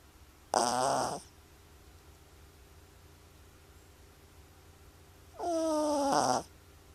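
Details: Sleeping pet snoring: two loud, rough, squeaky snoring breaths about five seconds apart, over steady room hum.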